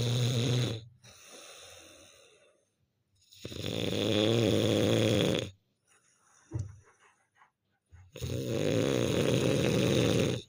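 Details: Snoring from a sleeping person at 2 a.m. on a winter night; the snoring keeps another person awake while a young girl plays.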